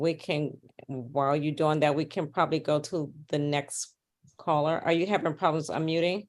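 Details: Adult speaker, meeting moderator; normal speech.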